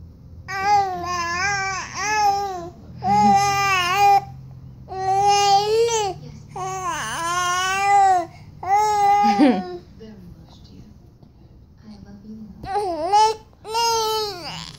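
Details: Infant girl, teething and getting tired: repeated drawn-out, fussy, tonal wails with short pauses between, an ordinary crying bout.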